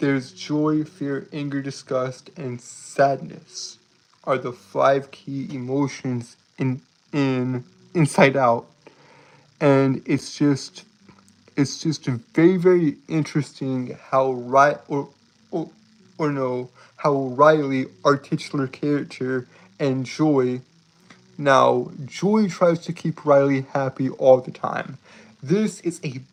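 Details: Male streamer with a self-reported speech impediment causing stuttering and tripping over words; repeated phrases; stuttering.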